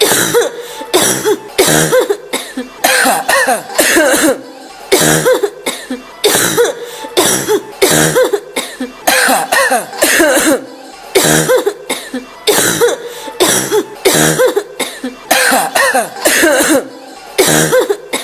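An adult woman coughs repeatedly in short harsh bursts, a looped sound effect.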